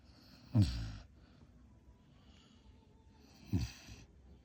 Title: Snoring !